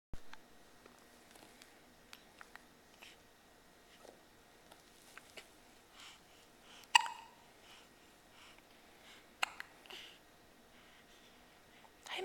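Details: Hiccups: a few sharp, abrupt gulping clicks spaced seconds apart in a quiet room.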